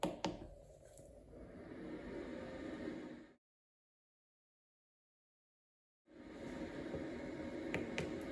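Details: Cough Assist E70 mechanical insufflation-exsufflation device operating: steady machine airflow rushes for a few seconds, pauses silently, then resumes as it cycles.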